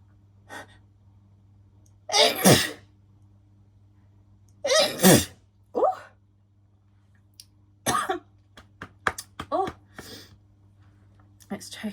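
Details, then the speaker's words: Irritant sneezing fit after sniffing a strong-smelling bubble bath: repeated sneezes, several loud and drawn-out, then quicker smaller ones. "oh my gosh I mean it it smells lovely it's already to clean my nose I'm going to Snee and again maybe"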